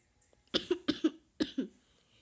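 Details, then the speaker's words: Person who has been sick over winter break: two quick runs of short, sharp coughs, six bursts in all; illness-related cough. "I'm kind of sick so we'll be coughing a little bit in this video I've been sick over my winter break pretty much"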